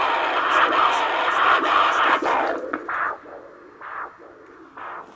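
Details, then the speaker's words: Doppler over a foot artery during a diabetic foot-care check: loud, rhythmic whooshing pulses of a strong arterial flow signal, with pressure over 180 said to mean hardening of the arteries. "This is a Doppler. It's the same thing we use to check fetal heart rates. Yeah. You can hear a baby beating in your foot. Hear that? That's the blood flow to your foot."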